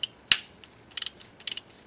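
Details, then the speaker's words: Direct ratchet driver seating a narrow diameter implant on a practice upper maxillary arch model, taken down until snug and parallel with the other implants: sharp metallic ratchet clicks in short bursts. "i'll do that with the direct driver as we see here i'm going to line up the four millimeter side and sometimes it helps just to line it up first before you go ahead and put on the actual driver there we go i'll line up that here"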